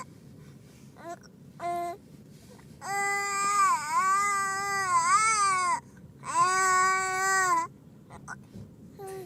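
Short fussy sounds, then two long wailing cries from an infant, with a steady, clear voice; a plain infant cry.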